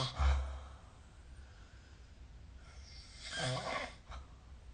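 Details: Two loud, rough snoring breaths about three seconds apart with a quiet pause between them, during sleep, recorded with the SnoreLab smartphone app.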